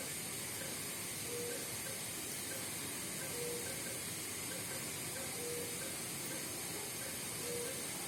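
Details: Steady airy hiss of an automatic non-invasive blood pressure cuff on a patient monitor during a blood pressure measurement demonstration, with short, soft monitor beeps repeating throughout.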